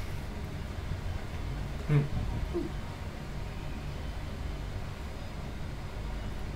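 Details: Adult; Vocal tic (Tourette syndrome).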